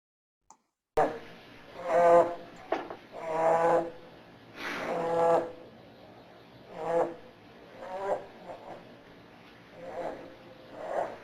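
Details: Inspiratory stridor (laryngeal paralysis).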